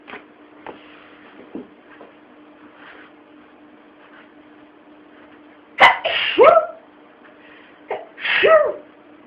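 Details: Sneezing: two loud explosive sneezes with sharp intakes and bursts, against a quiet room with a steady low hum.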